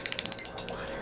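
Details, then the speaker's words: Rapid series of sharp crackling clicks, then quieter hiss as a Fotona erbium laser in SWEEPS mode, held at the top of the tooth for about 20 seconds, activates rinsing solution in a root canal; erbium dental laser operating. "and the laser hyper excites the solution activates it with photon energy and light so that it actually penetrates into the tube as you can see I'm only using the light the laser in the top part of the tooth"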